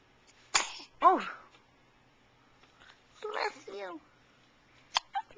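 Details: Infant girl who has the hiccups, filmed on a Flip Video camcorder: a sharp burst of sneezing followed by soft infant vocal sounds in a quiet room.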